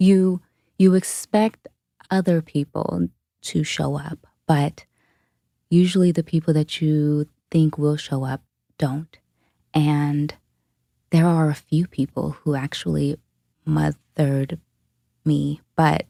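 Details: Adult woman, a dementia caregiver, who states she has a stutter; stuttering.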